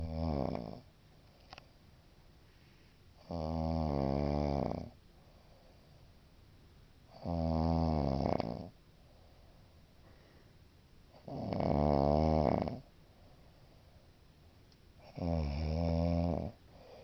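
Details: Adult woman (mother) snoring in her sleep; loud, rough, low rattling snores on each breath in, about every four seconds, roughly 15 a minute, with quiet breathing between; the sound frightens the cat; snoring.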